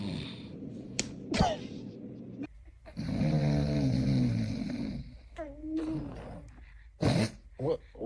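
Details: Father snoring loudly with rattling snores and snorts while asleep, with a brief infant sound nearby; the snoring disturbs the baby.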